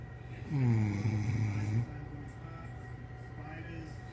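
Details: A person snoring beside the recorder: a single loud, low, buzzing snore just over a second long on the in-breath, then quieter breathing and faint room noise; snoring.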